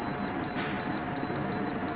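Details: Propex Pixi apex locator on an upper right first molar with a size 15 file: steady high-pitched electronic tone with soft repeating pulses as the file advances toward working length in the root canal.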